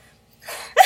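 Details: Vocal tic in a person with Tourette syndrome, occurring while discussing her tics: a brief breathy noise ending in a sudden sharp voiced burst.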